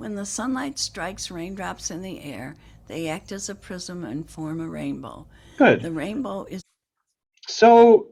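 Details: Woman with vocal fold paralysis, one fold immobile, before treatment (later temporary filler injection, then thyroplasty); breathy voice; vocal fold paralysis (breathy voice).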